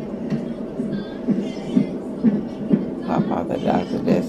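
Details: Doppler fetal heart monitor at a 36-week pregnancy checkup, baby girl, reported healthy: rapid regular whooshing thumps at about 130 a minute; fetal heartbeat.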